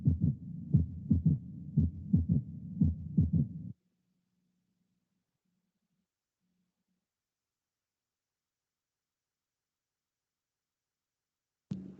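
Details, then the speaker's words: Right-sided third heart sound, best heard along the left sternal border, usually increasing with inspiration, frequent in right ventricular failure: low heartbeat thumps with an extra soft early-diastolic sound, a ventricular gallop. "terceros ruidos cardíacos del lado derecho se oyen mejor a lo largo del borde izquierdo del esternón habitualmente aumentan con la inspiración y a veces se les oye en corazones normales pero se les ausculta más frecuentemente en la insuficiencia del ventrículo derecho"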